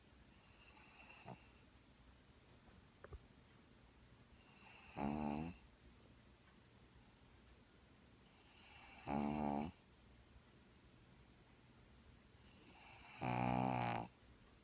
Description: Luna sleeping and snoring with eye open.